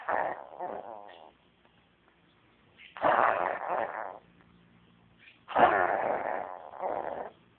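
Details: Cat with new coughing: three harsh, raspy coughing spells, each a run of wheezy, honking bursts separated by pauses.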